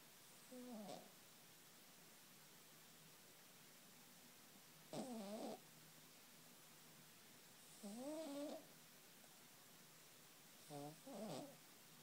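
Soft, irregular snoring breaths from a sleeping cat, roughly 20 a minute, with quiet gaps between; harmless cat snoring.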